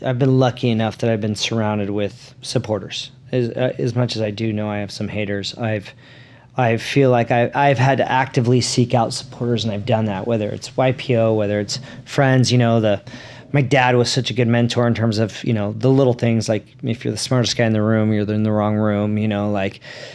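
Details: Adult man with stuttering, which he describes as a disability; stuttering.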